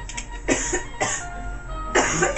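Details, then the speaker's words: Three harsh, dry, acted cough bursts from an adult who blames allergies, over background music, in a staged product demonstration. "you still coughing it's my allergies instead of coughing in your um in the air and in your hand why not try this the new cough box"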